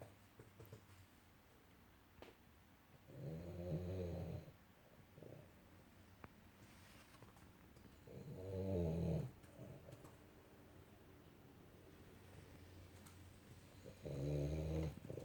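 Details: Small dog snoring soft and low while sleeping, a brief rattling snore roughly every five seconds in a quiet room; snores all the time while asleep.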